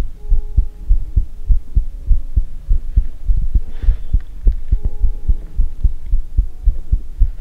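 Steady low thudding heartbeat, roughly 100 beats a minute, with paired lub-dub sounds over a faint background hum; a normal heartbeat.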